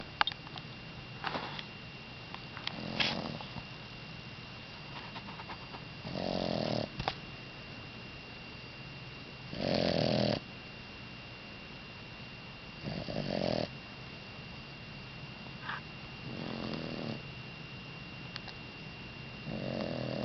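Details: A sleeping pet snores rhythmically at about 18 breaths a minute over a faint, steady background hum: snoring.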